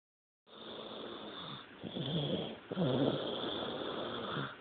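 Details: Baby with continuous rough, rattling breathing noise on both inhalation and exhalation, very loud for a small child: snoring.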